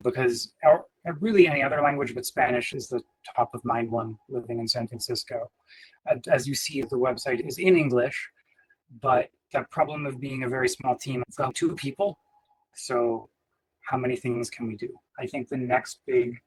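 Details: Adult man speaking; ordinary speech.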